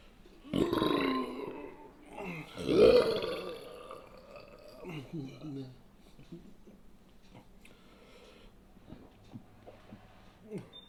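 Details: An adult man, just after eating an extra-large turkey sandwich: two loud, drawn-out burps, then quieter throaty sounds in a small room; ordinary belching.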